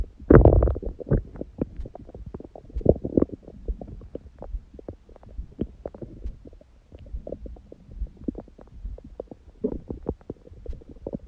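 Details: Woman's own abdomen recorded after a large first meal at 16:00 following fasting on water only since 19:00 the previous day, and after ab workout; irregular gurgles and rumbles, louder bursts among quieter bubbling: normal bowel sounds.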